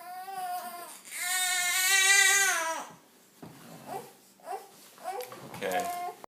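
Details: Baby girl who has the hiccups again and has just been given a pacifier: a long, high wailing cry, then short fussy whimpers in a small room; infant crying.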